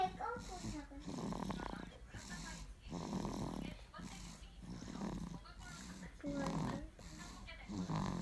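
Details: 6-month-old baby snoring loudly while asleep: repeated rough, snorting breaths about 40 a minute, each inhalation with a low rattling snore, over faint room noise.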